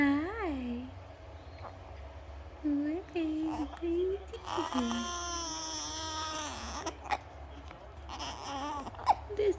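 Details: Two-week-old newborn with hiccups, relaxing with mother; brief fussing whimpers and short cries with quiet room noise between them; infant cry.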